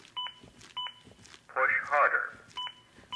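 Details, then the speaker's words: Simulated rescue on a mannequin with a Zoll AED Plus: Real CPR Help two-tone beeps act as an adaptive metronome, monitoring chest compressions and pacing them to at least 100 per minute, with a voice prompt; CPR metronome prompts. "the beeps act as an adaptive metronome that monitors my compressions and tries to speed them up to at least 100 per minute"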